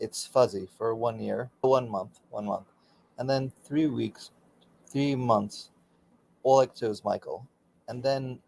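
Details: Aphasia for about 16 years after a stroke during surgery, with right arm and leg affected, in a man still working daily with speech pathology.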